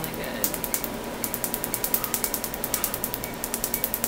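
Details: Laser tattoo removal, test spot at the first treatment of an adult male tattoo artist's half-sleeve tattoo: rapid sharp snapping pulses, about six to seven per second, over a steady machine hum.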